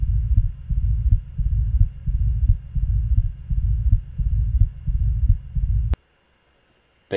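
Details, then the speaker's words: Diastolic murmur: regular low heartbeats at about 88 a minute, no murmur between S1 and S2, then a soft blowing murmur filling the pause after S2 until the next S1. "piense cómo suena el s1 justo después suena el s o si entre ellos no hay soplo pero después de deseos hay el soplo hasta que vuelve a sonar el s1"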